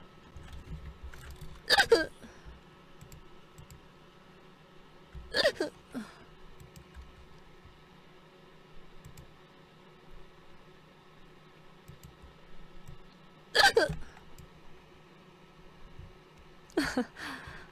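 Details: Girl on a live stream with hiccups: four sharp, abrupt throat clicks at irregular intervals over about 18 seconds against quiet room hum; hiccups.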